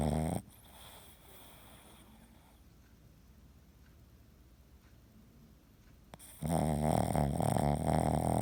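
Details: A sleeping, dreaming Boston terrier that twitches with one eye open gives a loud, rattling snore, goes quiet for several seconds, then snores again.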